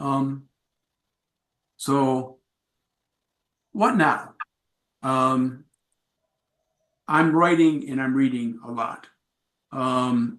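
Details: Adult man with aphasia acquired after a traumatic brain injury from a bike accident without a helmet, followed by about a month in a coma; about four and a half years post injury, presenting at an aphasia support group.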